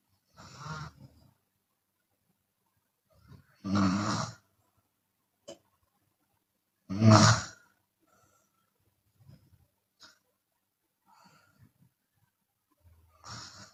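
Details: Chinese woman snoring with her mouth open during sleep: loud, irregular, rattling snores on inhalation with quieter breathy exhalations between; open-mouth snoring.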